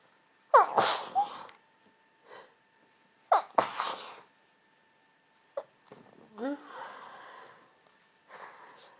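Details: Endless hayfever sneezing keeping a person awake at night: two sharp, explosive sneezes a few seconds apart, each followed by breathy sounds, then sniffing and a sigh; repeated sneezing.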